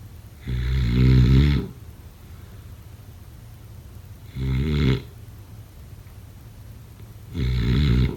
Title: Snoring sounds … #7